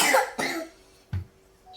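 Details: Child with a cough, about to receive nebulizer medication, gives two quick, harsh coughs followed by a brief low thump and quiet room noise; plain cough.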